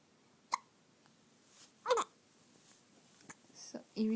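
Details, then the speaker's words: Brief, abrupt voiced catches at irregular intervals in a quiet room from a baby with recurring, irritating hiccups; hiccups. "yeah are you doing oops hiccups again hey pickups"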